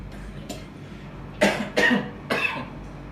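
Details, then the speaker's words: Simulated in an Indonesian comedy skit: a man playing a heavy smoker "since kindergarten" begs a doctor to cure his bad cough; three harsh, forceful coughs in quick succession; acted cough. "Gimana caranya dok? Batuk saya mau sembuh dok. Tolonglah saya dok."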